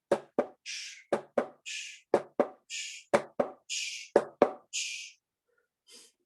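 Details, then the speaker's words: Paired heart sounds at about 60 a minute, each followed by a hissing whoosh: a heart murmur. "an extra heart sound in there. We call that a murmur. And this is one of the reasons why you can hear that murmur, is because of blood moving backwards through a heart valve."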